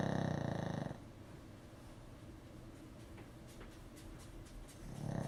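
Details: Low, rumbling snore on the in-breath that fades into quiet breathing, then a second snore starts at the end. Snoring during sleep.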